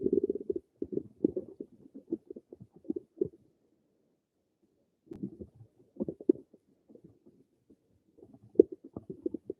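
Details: Gurgling, bubbling stomach rumbles in irregular bursts separated by brief quiet pauses; person's own bowel sounds (borborygmi).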